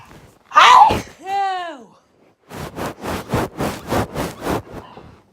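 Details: A sudden sneezing fit: a sharp sneeze and a vocal groan, then a quick run of about seven short sniffing or snorting bursts; sneezing.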